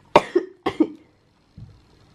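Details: Two short bursts of harsh, moist-sounding double-hack coughing from a sick child with a viral illness, treated with medicines, in a quiet room.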